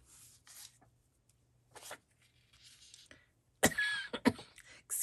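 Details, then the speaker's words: Adult with a lingering post-illness cough, much improved after a week or two of croakiness; quiet paper rustling, then a couple of short, sharp coughs. "Excuse me. I might need a sip of water. I'm sorry. I still have a little residue. A little cough every now and again."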